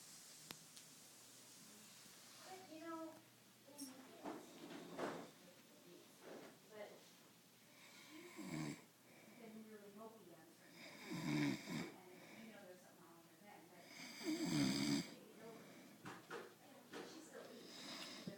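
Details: Irregular snorting, rumbling breaths with a few louder snores and faint voices in the room; snoring.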